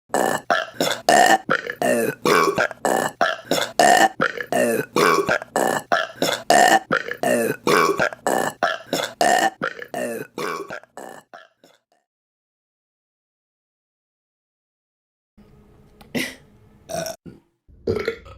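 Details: Burping compilation: a long run of rapid, repeated loud burps, about one and a half per second, then silence and a few more burps.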